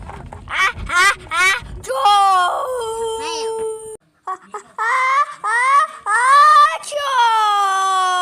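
High, wavering wails in repeated bursts with brief gasps between them: an infant crying.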